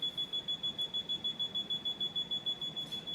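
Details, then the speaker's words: Dräger Savina mechanical ventilator during its pre-use self-test alarm check: rapid, regular high-pitched beeping at about 200 a minute, confirming the audible alarm works; yellow is medium, red high, and blue low priority. "soñar de alarma de media prioridad es la de color amarillo la de alta prioridad la roja la color amarillo es la de media prioridad y la de azul es la alarma de baja prioridad"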